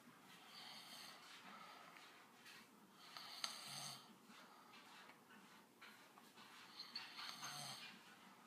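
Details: Rough, hissing snoring breaths about every three seconds, some ending in a low rattling flutter, from a sleeping man (dad) in a quiet room.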